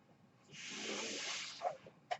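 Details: Mechanical ventilator breath.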